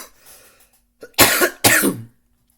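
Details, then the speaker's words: Adult gives two loud, harsh, dry-sounding coughs in quick succession after a brief catch of breath, in a quiet room; the speaker blames the cough on outdoor pollen. "Excuse me. Sorry about that. I I got a little cough."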